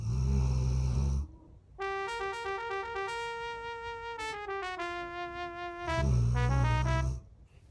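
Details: Golden retriever (male) snoring while asleep: two low, rough rumbling snores, with music playing over them.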